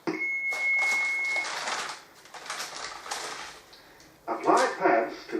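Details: Training AED demonstrated during hands-only CPR: a steady beep, then a recorded voice prompt guiding pad placement on the bare chest, with room noise.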